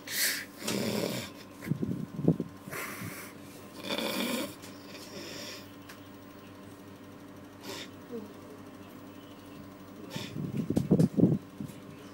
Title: Worst Snore